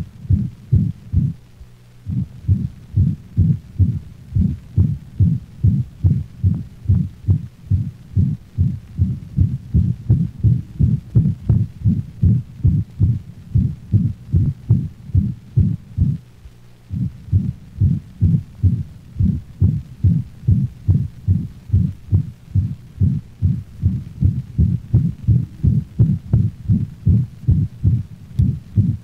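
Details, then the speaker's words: Dog with mitral insufficiency: rapid heartbeat near 150 a minute, the holosystolic murmur so loud and prolonged that it obliterates the second heart sound, each beat one prolonged whooshing sound. "the holosystolic murmur is so loud and prolonged that the second heart sound is obliterated giving the impression of only one prolonged sound"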